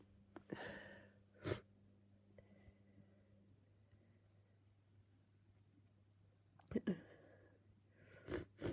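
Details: Repeated wet, forceful, uncovered sneezes with snot flying and quiet breathing between them, from someone with a cold who has been sneezing all day.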